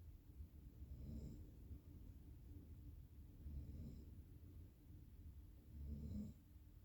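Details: Low rumbling snores during sleep recurring about every two to three seconds against steady room hum.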